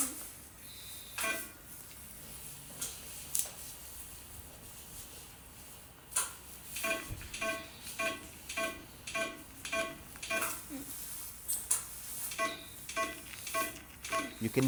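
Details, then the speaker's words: Expected tissue crackles from subcutaneous radiofrequency probe pulses during a nonablative IgniteRF body treatment: regular short crackling pops with faint tones, about one to two per second; the patient is not in pain. "hear the crackles that crackle by the way she's not in any pain"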